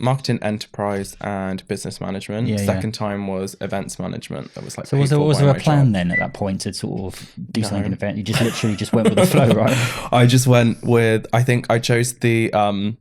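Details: Adult man speaking; ordinary speech.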